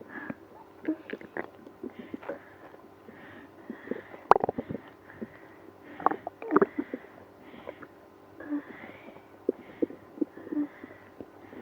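Frequent gurgles, squeaks and drawn-out groaning rumbles from the belly: active stomach growling in someone with irritable bowel syndrome.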